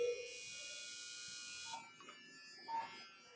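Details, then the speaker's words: Steady high-pitched pump whine lasting about a second and a half, with short tones, as NIBP is started on an ICU patient monitor and the blood pressure cuff inflates while pressure shows on the display; demo mode. "NBP start होते ही वहां पर sound आना start हो जाएगा और यहां पर आपको डिस्प्ले पर प्रेशर शो करेगा"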